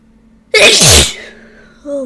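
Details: Sneezing fit after a suspected ragweed allergy: a quick inhale, then one loud explosive sneeze with a trailing voiced sound, after bringing a ragweed stalk indoors and testing it with chhinkni; itchy, runny nose.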